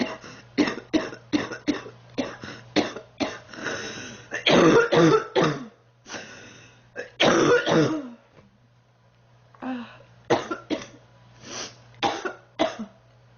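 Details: Girl who says she is sick, coughing in repeated short, harsh runs with longer strained bursts and throat clearing, then a brief pause; persistent coughing fits.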